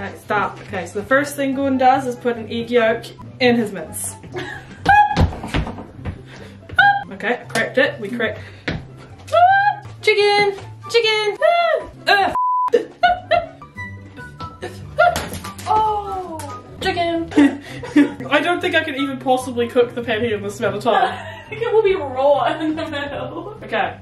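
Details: Person with Tourette syndrome speaking while cooking, with interjected words and repetitions that appear to be vocal tics; finding: vocal tics (Tourette syndrome).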